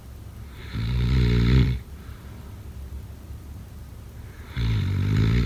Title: Snoring sounds … #7